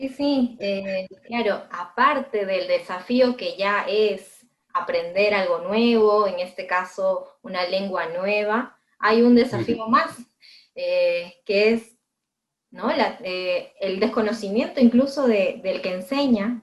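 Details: Adult woman speaking Spanish; typical speech.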